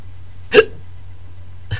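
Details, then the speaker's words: Adult with a bad case of hiccups after drinking alcohol. "I got a mad case at the hiccups"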